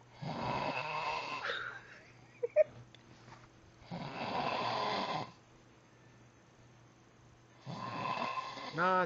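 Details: Loud, rough, rattling snoring from a sleeping adult in the middle of the night, around two or three in the morning; each snore lasts about 1.5 seconds with quiet gaps between, and brief voices in the background.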